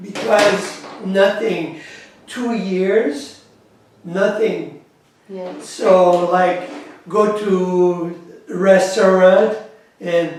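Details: Adult man with aphasia after a massive stroke in September 2013, whose words do not come out the way he intends.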